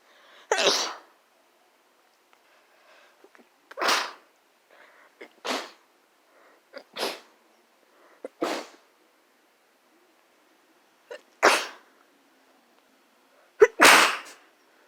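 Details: Run of about seven sharp, explosive sneezes spaced a second or two apart, with faint breaths between them.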